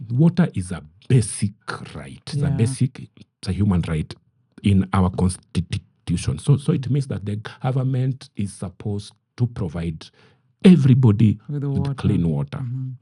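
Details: Adult man who stammers; he says his stammer is genetic, picked up from his mother, sometimes acute and sometimes barely noticeable; mild stammering.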